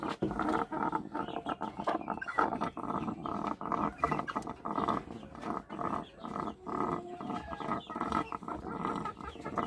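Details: Chickens with ngorok (snoring respiratory illness): continuous harsh, rattling, snore-like noisy breathing.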